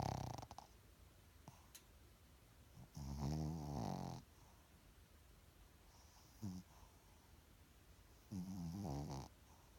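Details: Low rumbling snores while breathing in, with quiet pauses between breaths in a small room; ordinary snoring.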